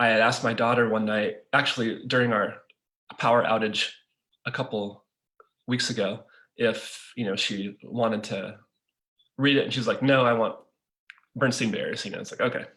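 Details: Adult man who stutters; stuttering.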